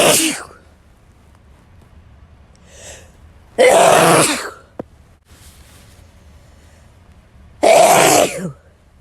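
Three forceful sneeze bursts, each a sharp explosive outrush of air, with quiet pauses and a faint inhaled build-up between them.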